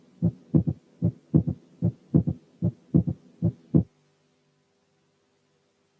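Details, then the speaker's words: Third heart sound at a regular rate of about 75/min, heard as a dull, low-pitched, more muffled extra sound after the second sound. It lies farther from S2 than a split S2 would. "ثانيا الثيرد هارت ساوند لور ان بيتش، يعني أدخن ومور مافلد عن السكند ساوند. نسمع بقى الثيرد هارت ساوند في حالة تانية."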